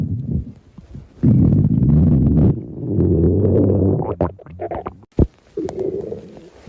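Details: Low, rumbling, gurgling stomach growls (borborygmi) rising and falling over several seconds with bubbly pops, typical of normal stomach growling.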